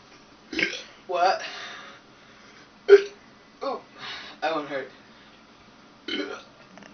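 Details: A string of short, croaky burps from the recorder's cousin in a quiet room, some sounding like hiccup-like gulps; burping.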